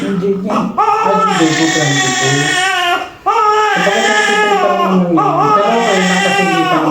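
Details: Post-mature newborn just after a normal vaginal delivery: loud, sustained crying in long wailing bursts with a brief breath between, a normal strong cry.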